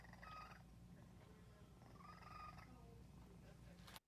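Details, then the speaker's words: Cat in respiratory distress during an asthma attack, breathing in without trouble but grunting on breathing out: low rumbling breath noise with expiratory grunts ending in a louder voiced grunt, consistent with small-airway feline asthma. "So he was having no trouble breathing in, but when he breathed out, he sounded like, "Ugh." And this is a classic example of a cat having an asthma attack."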